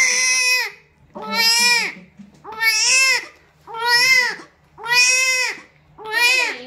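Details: Strong, rhythmic wails from a newborn right after a normal vaginal delivery without epidural, about six loud, clear cries in under seven seconds with pauses for breath. Vigorous normal newborn cry.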